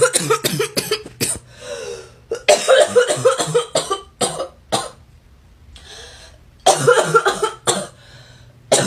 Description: This poor girl has a barking cough that sounds cute & sexy. Her coughing is really bad as she coughs lots of times just in once breath.